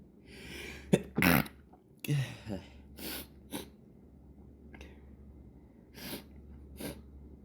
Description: Just a small morning fit I managed to catch before breakfast.